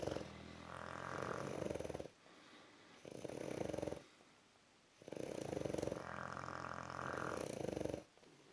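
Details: Sleeping bulldog snoring: loud rattling snores on breathing in, with quieter breaths out.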